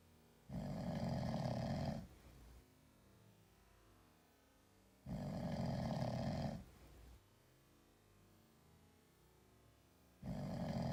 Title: Sleeping cat snoring like a human. 2